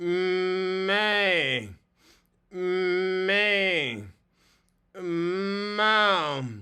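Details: Man with ataxia from cerebellar strokes doing daily vocal warm-up exercises, each repeated five times; he can be very hard to understand, and his voice is worse without warm-ups; ataxic dysarthria.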